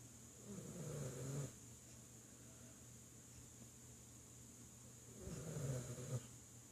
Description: My Dog AKA FurChild Is Lazy And Snoring Listen Carefully lol